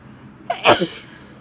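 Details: A woman sneezing from spring allergies, with pollen and cold, rainy weather blamed: a single sharp sneeze with a short breath in before it, in a quiet room.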